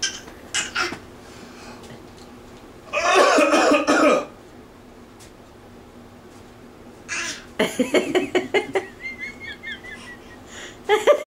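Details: Young child imitating her parents' bad cough: repeated short, forced, mock coughing sounds in a quiet room, not a true illness cough.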